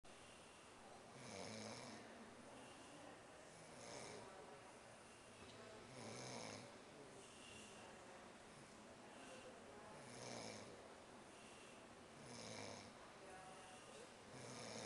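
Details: A male teacher asleep on a school mission trip to Costa Rica, secretly filmed by students, gives low, loud, rattling snores about every two seconds, roughly 27 breaths a minute, under steady room hiss: snoring.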